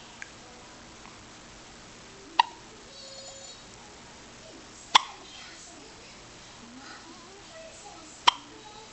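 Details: Wide-awake person with three abrupt, sharp hic sounds a few seconds apart over quiet room noise; hiccups.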